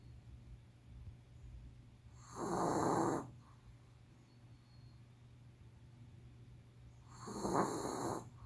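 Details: A sleeping Pomeranian puppy snores heavily, with two loud, rattling snores each about a second long and about five seconds apart, and quiet breathing between them.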